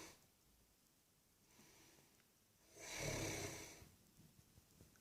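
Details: Elderly man asleep on Christmas Day: quiet breathing broken by one loud, rough, hissing inspiratory snore, then softer breathing; snoring.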